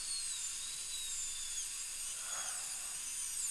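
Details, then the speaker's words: Crown preparation of upper molar (tooth #2), rubber dam in place: high-pitched whine with sliding pitch as the bur notches the tooth to mark the core buildup level; dental drill. "I'm gu going to notch about where I want to be with my prep so my core buildup material will go to that Notch so I'm just going to notch it in this is right about there"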